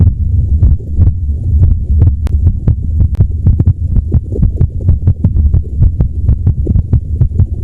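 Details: Woman in her 30s, palliative with MS, recording her own heartbeat: fast, thudding beats over a low hum, rhythm uneven in places; irregular heartbeat.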